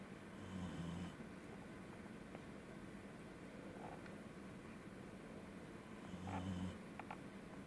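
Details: Snoring in a sleeping, tired corgi dog: two soft, rattling snores on inhalation about six seconds apart with quiet breathing between; owner wonders if hay fever.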